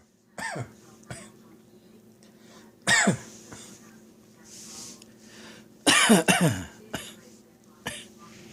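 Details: Adult hanging out washing to dry has a sudden tickly-throat cough: a series of short, dry coughs, some followed by throat clearing, over a low hum.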